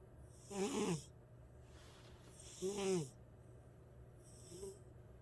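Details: Sleeping female cat snoring loudly, rattling snores about every two seconds with a harsh fluttering tone, over low room hum; she wakes the owner every night.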